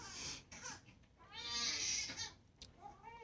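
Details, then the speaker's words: Fussy baby boy crying and babbling with a stuffy, congested sound, consistent with a blocked nose; nasal congestion. "Can you give him his pacifier, please? And you hear how stuffy he sounds."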